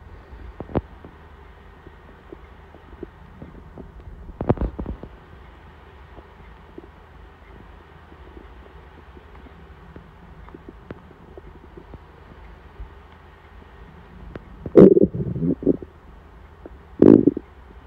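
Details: Hungry stomach rumbling before dinner: low background hum broken by scattered gurgles and a few louder rumbling bursts, hunger borborygmi.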